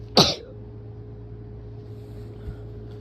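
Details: Sick person sneezing: one sharp, forceful sneeze, then a steady electrical hum and quiet room noise; a nose blow is also mentioned.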